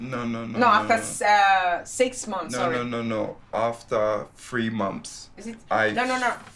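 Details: Aphasia in a man two years after a stroke at age 36, initially severe with no speech at first; still has word-finding difficulties; aphasia.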